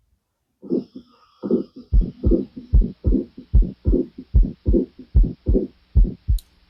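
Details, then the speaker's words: Early systolic murmur of severe mitral regurgitation with an S3 gallop. Regular heart sounds at about 74/min give a triple rhythm with a short early systolic murmur. "So what you are noticing in this is in this sound is there is triple sound along with one murmur."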